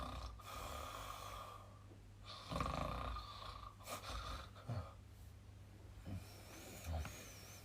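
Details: Husband asleep snoring: low, rattling snores with snorting breaths over steady room noise.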